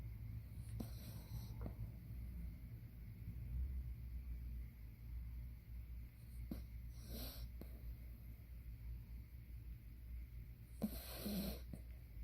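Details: A 3-year-old female miniature poodle snores while sleeping: three faint, airy snoring breaths at about 15 a minute, over a steady low hum.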